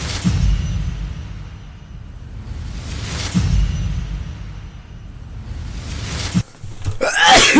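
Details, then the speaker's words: Adult deliberately recording a sneeze to sample for music: two slow, heavy breaths build up, then a sharp, hissing burst. Sneeze. "so I'm just going to record myself sneezing hopefully I can I don't know if I'll be able to we'll see we'll see we'll"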